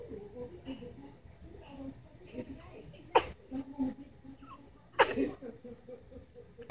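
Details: Newborn boy on his first day of life in the NICU, born with hydrocephalus and cleft palate, sneezing: two small, sharp sneezes about two seconds apart, with soft room sounds and murmuring.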